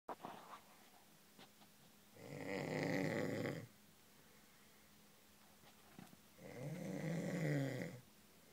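Two rough, rattling snores on inhalation, about 14 per minute, with quiet breathing between; a plain snore.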